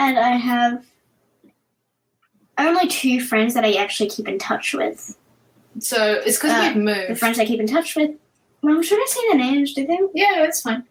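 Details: 10-year-old girl with cluttering that has resurfaced with a vengeance, alongside autism, ADHD and dyspraxia; very fast speech with pauses in unusual spots; cluttering.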